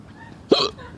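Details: Single abrupt voiced 'hic' with a sharp onset and quick cutoff against a quiet outdoor background; adult with a persistent bout of hiccups in West Philadelphia.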